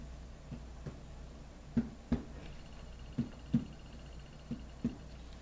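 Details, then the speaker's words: Abdominal percussion demonstration for a nursing skills assessment: finger taps over the four quadrants, mostly in pairs, give a hollow, drum-like tympanic tone indicating air underneath. "you listen for different sounds listen this is hollow underneath"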